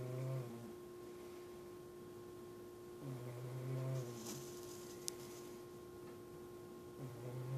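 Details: Cat snoozing during the day: snoring.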